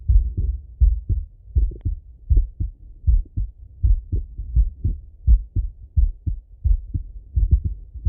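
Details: Male heart auscultation through a stethoscope, recorded sitting or lying: regular paired low thumps at about 85 beats a minute with clean first and second sounds and no extra noises; normal heart sounds.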